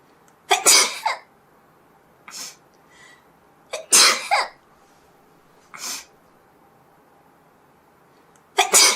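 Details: Three forceful sneezes from a consenting model, each a sharp explosive burst, separated by softer quick inhalations.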